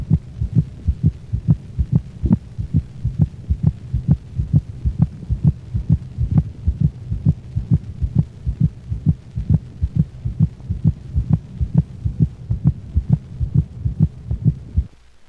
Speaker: the split sounds are closed together and higher in frequency than the first sound this split second sound was recorded from a dog with heart worms